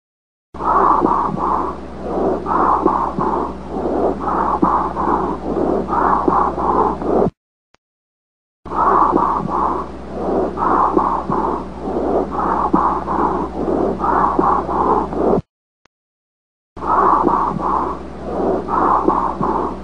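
Whispered syllables come through the stethoscope clearly and distinctly: whispering pectoriloquy, pointing to underlying lung consolidation.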